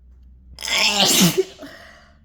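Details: One loud, forceful, throat-scraping sneeze triggered by chhinkni sneezing powder; the sneezing was hard enough to make the throat sore and saturate a handkerchief.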